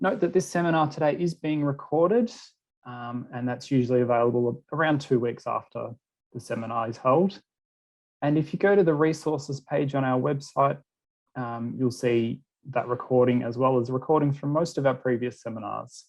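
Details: Adult speaker; Normal speech.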